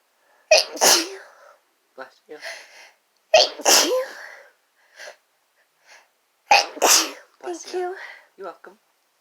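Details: Repeated explosive sneezes in quick succession, about three main sneezes with smaller sniffs and gasps between, from a woman and a man, a sneezing fit brought on by chhinkni sneezing powder.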